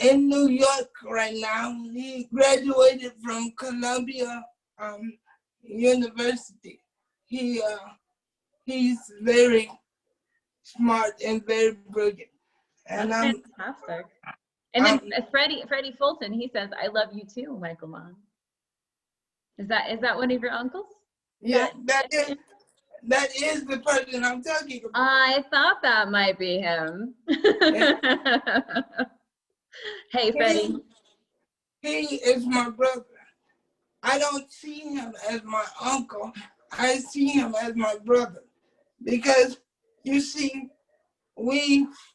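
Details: Adult man with cerebral palsy who uses a wheelchair, whose family was told by doctors at birth that he would not be able to speak; dysarthric speech in cerebral palsy.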